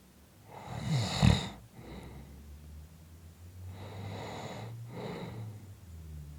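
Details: Loud, rough rattling snores on breaths in with a low vibrating rumble, in a quiet room; snoring.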